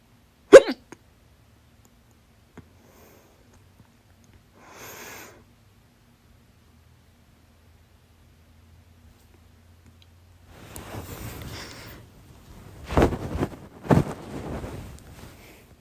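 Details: Adult hiccups after waking at 5:43 a.m., attributed to drinking salad juice and eating much salad: a sharp hiccup, quiet, breathy sounds, then two further loud hiccup bursts.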